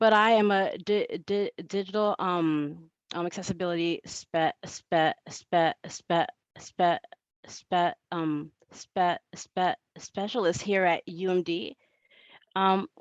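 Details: Adult woman who says she stutters and that it is heard throughout her talk; stuttering.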